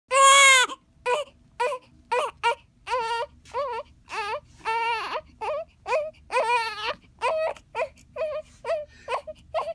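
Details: Newborn baby crying at birth: a loud opening wail, then a string of short, rhythmic, high-pitched cries; a normal newborn cry.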